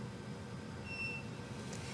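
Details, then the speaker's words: Intra-aortic balloon pump powered on by pressing the power button, taking about 2–3 seconds: a single short high-pitched beep over steady machine hum, showing the pump is on. "when you turn the balloon pump on it does take approximately um two to 3 seconds as you push it to be able to get to power up the pump I'm going to go ahead and do that"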